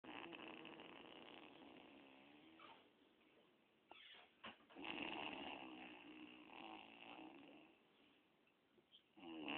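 Rough, rattling snoring sounds with each breath, quiet and slightly muffled; snoring.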